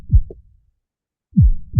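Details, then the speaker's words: Ordinary heartbeat played as a recording: deep, booming paired thumps separated by a clear pause, presented as the first sound heard in the womb. "The oldest sound you know is this. When you were in your womb, in your mother's womb rather, this is the first sound you heard from inception."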